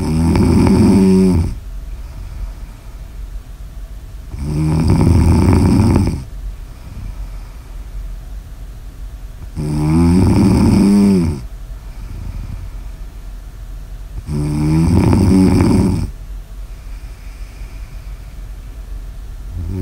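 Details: Snoring ASMR audio recording: loud rattling snores on each in-breath, about 12 breaths a minute, with quieter out-breaths between.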